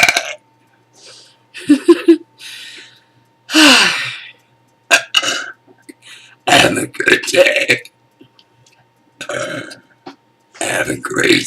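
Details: Morning burps on waking: a string of loud, deliberate burps with short gaps between them, mixed with brief talk; ordinary belching.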